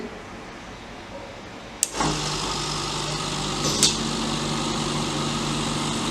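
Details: Oxygen concentrator switched on after repair and filter cleaning to test it: a click, then steady motor hum with hissing airflow as it runs.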